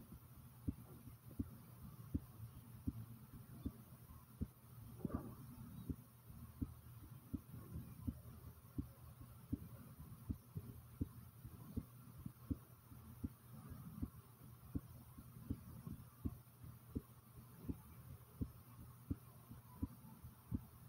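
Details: The recorder's own heartbeat, which they describe as pounding rather fast: steady, forceful low thumps at about 83 beats a minute over a faint hum.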